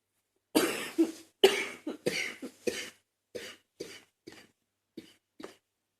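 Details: Adult's fit of about twelve coughs, loud and harsh then weaker and fading, chesty and rattly with something on the chest; an unusual productive wet cough for this person.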